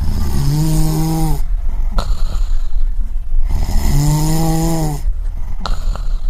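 Loud, low, vibrating snores on each breath in, followed by noisy breaths out, in a slow regular rhythm.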